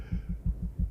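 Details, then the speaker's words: Heartbeat recording of an actress on seeing Nicolas Cage as Longlegs, played from a phone: low regular thumps under a faint hum, about five beats in under a second; fast heartbeat. "That was a lady's actual reaction or heartbeat when she saw Nicolas Cage. Damn, no way. That's her actual heartbeat."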